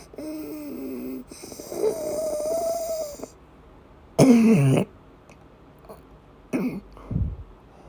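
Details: Female with persistent asthma attacks and a migraine-cluster headache complex: strained, wheezy breathing with a high whistling tone, then a few harsh cough and retching bursts, during an asthma attack.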